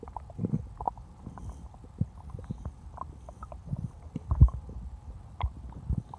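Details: Stomach growling (borborygmi) after drinking cola, recorded for ASMR: irregular low gurgles and soft pops as gas and fluid move through the gut.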